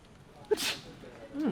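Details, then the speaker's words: A single brief sneeze in a staged comedy sketch, a short catch followed by a hissing burst of air, then a voice begins complaining about not being blessed; sneezing. "hey well I sneezed and you didn't bless me the last time oh you weren't here sorry"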